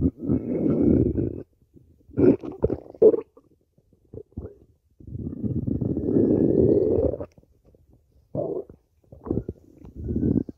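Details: Low, gurgling rumbles of a person's stomach come in irregular bursts, some long and drawn out, others short gurgles, with quiet gaps between; stomach growling (borborygmi).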